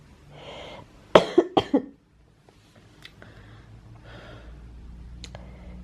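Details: A child sick in bed with a viral infection, taking tablets and medicines, coughs: a burst of four harsh coughs in quick succession, then quiet breathing.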